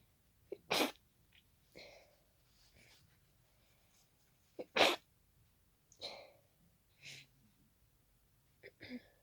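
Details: Hay fever sneezing fit set off by pollen: a fast run of messy, congested sneezes into tissues, with short, blocked-sounding breaths between them, as with a stuffy nose.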